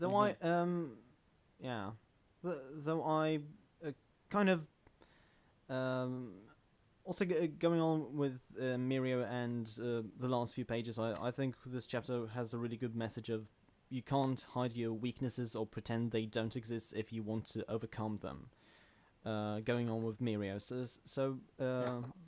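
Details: Man who self-identifies as a stammerer, in natural conversational speech with word and phrase repetitions; stuttering.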